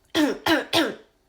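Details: Three quick, harsh throat-clearing bursts in rapid succession from a person with Tourette syndrome: repetitive throat-clearing vocal tic.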